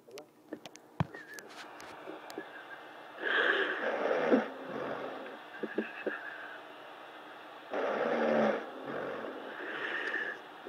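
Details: Person asleep after smoking, recorded on an iPhone while others play GT5 on PlayStation: two rough, rasping inspiratory snores with game sounds and clicks in the background; snoring.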